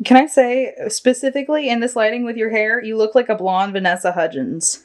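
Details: Adult; typical speech.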